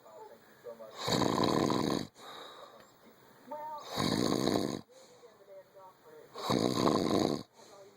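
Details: Three loud, rough snores about two to three seconds apart, with quieter breathing between them; snoring.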